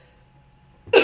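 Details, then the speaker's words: Adult podcast host, still sick and sounding rattly and raspy: near silence, then a single abrupt cough burst at the end, cut off almost at once; cough. "you all hear that I am still sounding rattly and raspy and coughing"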